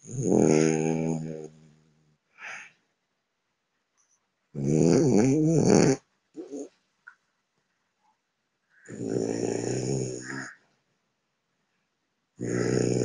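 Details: Théo, an 11-month-old male French Bulldog, sleeping and snoring: loud, rough, buzzing snores with long noisy breaths and short snorts between, about thirteen a minute; snoring.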